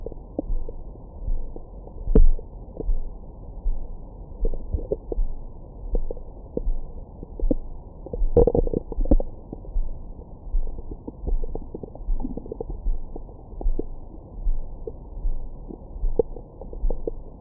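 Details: Belly recorded with a Stemoscope stethoscope microphone after a large meal: frequent low gurgles and rumbles with brief squeaks. Active bowel sounds.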